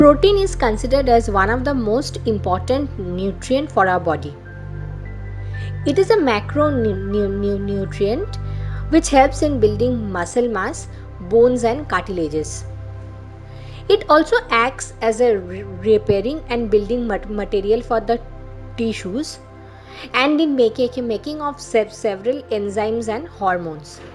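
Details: Stuttering in an adult woman who identifies as a stammering vlogger.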